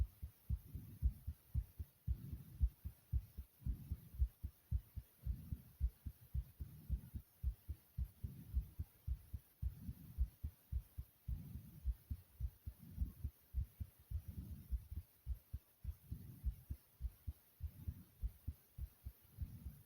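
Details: Brief recording of a person's own normal heartbeat, taken while the person was tired: steady, regular low paired thumps at about 55 per minute.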